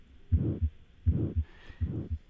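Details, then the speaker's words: Simulated pathological heart sound from the Heart Murmur Pro app, played after a normal S1/S2 for comparison: three beats at about 80 a minute with a rough humming sound filling the gap after the first sound; a pathological murmur. "now what i'll do is i'll select from the list on the left a pathological sound"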